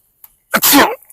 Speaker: Oh my god, that was such a big one. Oh my god. Excuse me.